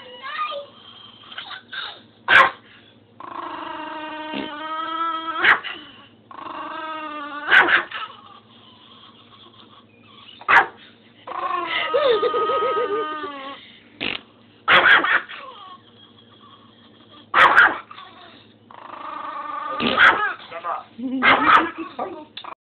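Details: Wheezing in a very old dog: drawn-out whistling, honking wheezes broken by sharp snorts.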